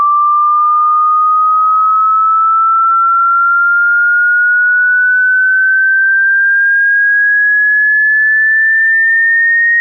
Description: Hearing Test in HD quality. Sinusoidal wave starting at 20 Hz frequency and going up to 20 kHz frequency.